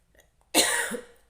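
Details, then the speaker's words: An adult woman with irregular periods who is trying to conceive, and who has a cold, gives one abrupt, harsh cough after quiet breaths; she says coughing causes severe chest pain; cough. "और मुझे cold भी हो रखा है, खांसी, जैसे जब मैं खांसी लेती हूँ ना तो ऐसे सीने में बहुत ज़्यादा दर्द होने लगती है।"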